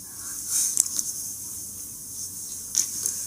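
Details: Man with Tourette's disorder, a severe tic disorder; sniffing and other vocal tics heard; vocal tics (sniffing) in Tourette's disorder.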